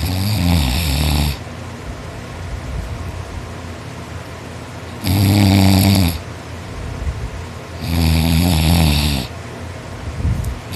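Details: Boy snoring loudly while asleep after a tiring day of hard work: harsh rattling snores on each in-breath, about three in ten seconds, like sawing wood, with steady background noise between.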